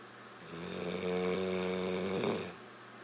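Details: Sleeping bulldog snoring: one long, buzzing, rattling breath noise.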